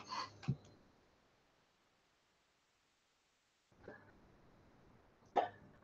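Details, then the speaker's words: Three short, sharp involuntary hiccup gulps a few seconds apart in a quiet room, no speech between, followed by someone remarking "You got the hiccups"; hiccups. "You got the hiccups. I need to get some water."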